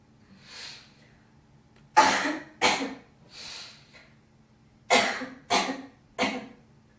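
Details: Girl coughing and hocking phlegm: five harsh cough bursts between two softer breathy throat-clearing sounds, with a hawking quality as if bringing up phlegm.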